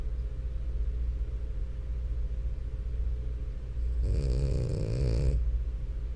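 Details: French Bulldog sleeping, with a steady low background hum and a single rough, fluttering snore lasting about a second.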